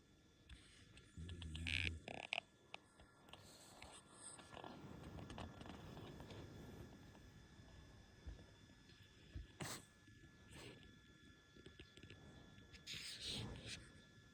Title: Puppy snoring sound